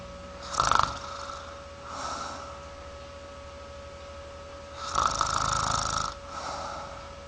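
Rough, rattling snores on each breath over a steady background hum, typical snoring.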